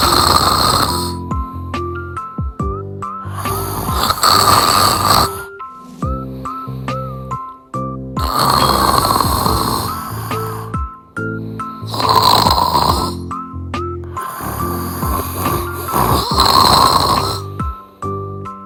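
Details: Loud, rhythmic, rasping snores from a sleeping cat, about four breaths, over background music; snoring.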